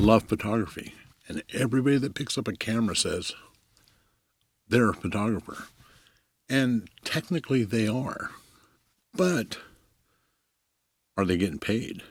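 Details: Adult male commercial photographer who says he stutters; long pauses and fragmented phrases; stuttering.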